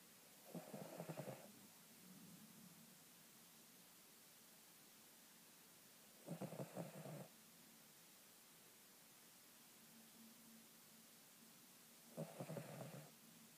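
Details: Cavalier King Charles Spaniel dog: three rough, rattling snores about six seconds apart in a quiet room, roughly ten breaths a minute; ordinary snoring.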